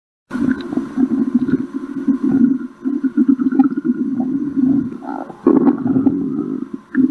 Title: *stomach growling* 💖